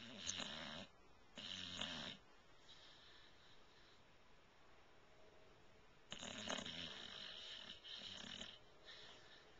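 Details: White bulldog snoring during sleep: rattling, snorting bursts of noisy upper-airway breathing with quieter stretches in between.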